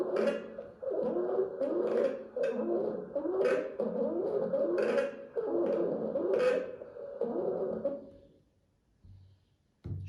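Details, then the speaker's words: Young child with acute stridor, presented as croup, more common in autumn and winter: harsh, high-pitched crowing noise with each rapid inspiration; inspiratory stridor. "ناس فعلا بتشوف الفيديو دلوقتي هتقول ايوه فعلا الصوت ده حصل قبل كده مع حد من اولادنا وخصوصا في فترات الخريف والشتاء"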